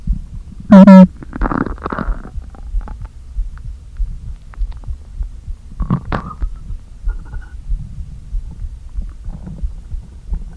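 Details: Stomach noises after not eating all day, with the stomach deliberately inflated a little: hollow groans and gurgles as air shifts back and forth in the empty stomach; ordinary borborygmi.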